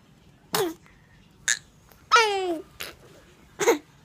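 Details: Baby girl hiccups: brief, sharp, catchy sounds at irregular intervals, about four in four seconds, with a small voiced whimper between them; infant hiccups.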